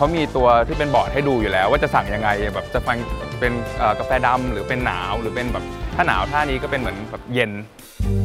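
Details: Adult speaker; typical speech.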